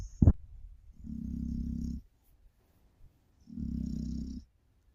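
Two long, low, rumbling snores, each about a second, separated by quiet pauses, with a brief thump at the start; a sleeping dog's snoring.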